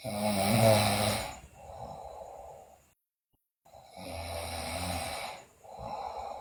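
Loud, rough breathing noises during sleep with a pause between breaths, consistent with snoring in a sleeping child.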